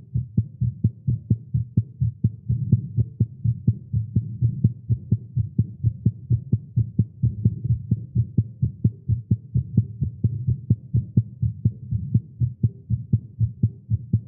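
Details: Male's quick, steady low heart thumps at about 128 a minute, recorded live after exercising with caffeine; tagged irregular heartbeat; fast heartbeat.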